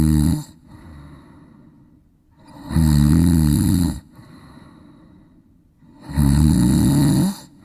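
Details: Golden retriever dog snoring.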